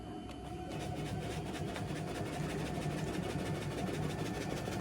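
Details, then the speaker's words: Steady rapid mechanical buzzing and pulsing over a low motor hum as a high-frequency chest wall oscillation vest, already inflated on the patient, starts vibrating after start is pressed. "that will start the vibrations on your patient"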